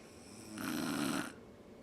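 A single short, harsh snore from a sleeping adult, lasting under a second, against quiet room noise.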